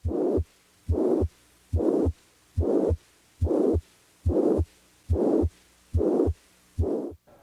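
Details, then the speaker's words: Plateau (holosystolic) murmur: regular heartbeat about 71 a minute with a steady whooshing murmur of the same intensity throughout, filling the space between the heart sounds. "plateau murmur has the same intensity throughout"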